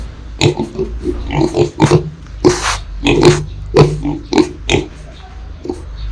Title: Lợn Con, Heo Con ôm nhau ngủ, ngáy khò khò | Piglet and Piglet hug each other and sleep, snoring